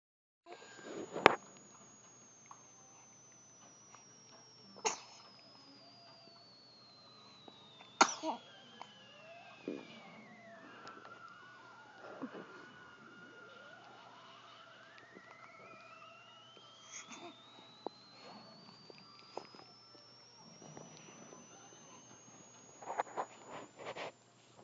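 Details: 2-month-old baby giving several small, sharp sneezes.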